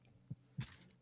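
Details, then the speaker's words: During a podcast recording, a soft, stifled sneeze: a brief intake followed by a quick muffled burst of breath against quiet room noise; sneeze. "I'm guessing that was a sneeze that was a sneeze that was absolutely a sneeze"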